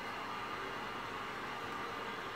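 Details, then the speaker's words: Adult male bodybuilder with sleep apnea demonstrates his CPAP machine and mask, which pushes air through a tube to open his airway and stop snoring; steady, even whoosh of airflow while calibrating, no pauses or pulses. "so what this machine does is that it knows when im not getting enough air it forces air into me through this tube so it can open up my airway and forces air inside so my snoring then stops this is the mask do you hear the air? so now its working and on"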